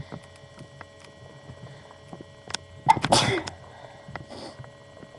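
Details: Sneezing: a sharp, explosive sneeze after brief sniffing sounds, in a quiet room with a steady hum.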